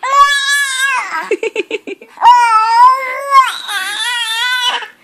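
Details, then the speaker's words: Hungry baby boy at bedtime: loud, high-pitched infant crying with long wails broken by short choppy sobs, in a small room. "oh dear baby's really hungry why are you screaming then hey stop screaming it's bedtime"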